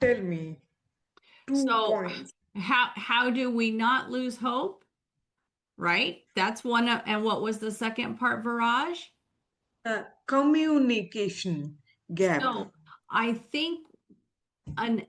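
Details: Adult woman speaking; typical speech.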